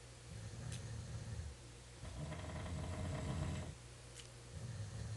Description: Snoring while in Kenora March 2010